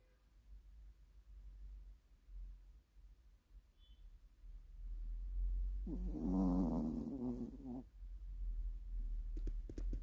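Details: Pomeranian dog snoring while asleep with eyes open on a bed: soft low snorting breaths with a louder snore burst near the end.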